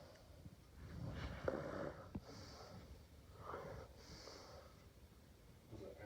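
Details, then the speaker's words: Sleeping dog snoring in a quiet room, with repeated rough, snorting breaths and soft whistling on exhalation. "What were you doing? Make a lot of noise. Yeah. You were making a lot of noise."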